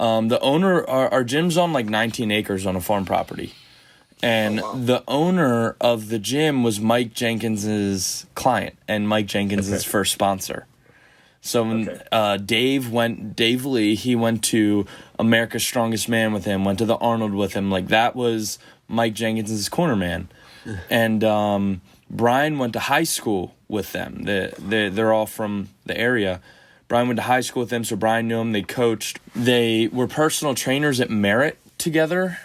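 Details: Adult man speaking; ordinary speech.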